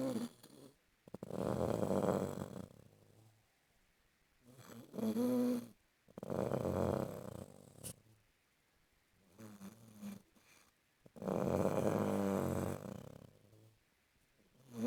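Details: A sleeping person gives deep, rough snores with quiet pauses between them, about four in 15 seconds: snoring.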